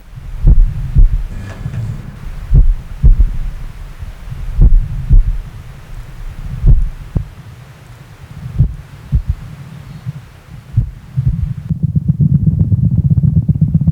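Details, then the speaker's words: Animal heartbeats of unstated species: slow, regular paired heart thumps at about 30 a minute, then a faster, denser heartbeat rhythm near the end. "เสียงจังหวะการเต้นของหัวใจของสัตว์แต่ละชนิดเนี่ยนะครับก็มีไม่เหมือนกันครับแต่ว่าสัตว์ชนิดไหนมีจังหวะการเต้นของหัวใจเป็นยังไงไปฟังกันครับมาฟังเสียงหัวใจเต้นของสัตว์ชนิดต่างๆ"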